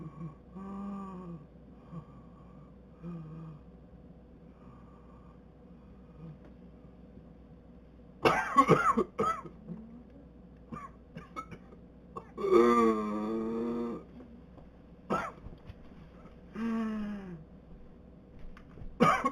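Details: A person with confirmed B. pertussis has harsh coughing bursts alternating with long, high-pitched, strained inward breaths: whooping cough.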